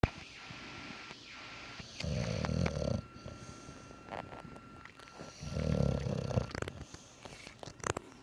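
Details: An English bulldog snoring while sleeping with its eyes open: two loud, rough, low snoring breaths over steady noisy breathing, typical of a short-nosed dog.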